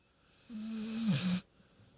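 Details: Snoring during sleep on a couch at 4:30 in the morning: a single drawn-out, buzzing sleep breath about one second long, rising to a snort at its end.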